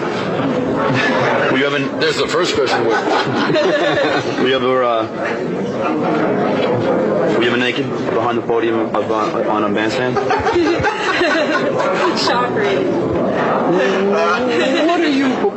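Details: Adult man who has stuttered since second grade, asking interview questions; stuttering.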